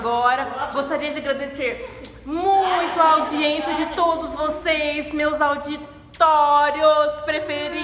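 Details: Adult female speaker (Portuguese); normal speech.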